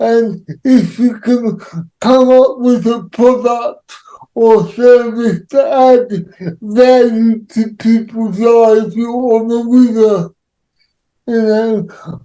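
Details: Dysarthria associated with cerebral palsy in an adult man.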